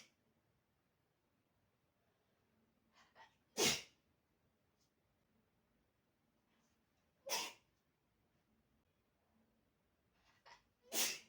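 Three sharp sneezes, each preceded by a short in-breath, spaced a few seconds apart in a quiet room.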